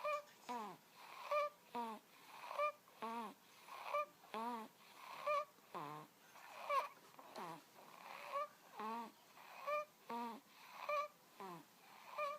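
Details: Two-month-old infant snoring: noisy, squeaky breaths with a whistling, snoring quality, about 45 breaths a minute.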